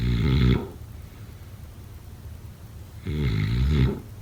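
Two loud, low rattling snores on inhalation about three seconds apart, with quiet breathing between; ordinary snoring during sleep.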